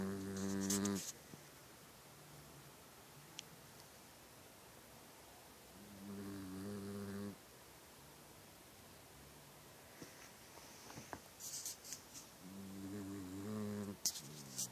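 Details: Mouse snoring: three tiny buzzing, humming snores about every six seconds, with faint squeaks and rustling between, during sleep.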